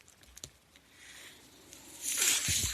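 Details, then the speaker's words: Speaker's own mechanical ventilator at the start of a podcast recording: quiet room noise, then a rising rush of air hiss in the last second as the ventilator delivers a breath. "Hello everyone. That noise you're hearing is my ventilator, and welcome to Page Turners They Were Not, my Star Wars podcast."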